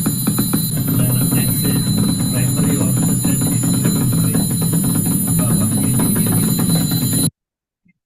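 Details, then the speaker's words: Woman on EMG, noisy from a faulty ground electrode: rapid, rumbling, helicopter-like buzz of muscle potentials, absent while sitting and with knees flexed, reappearing on standing erect: primary orthostatic tremor. "And she is made to stand now. It's not there at this moment with easy flexed. On standing erect, the similar sound appears again."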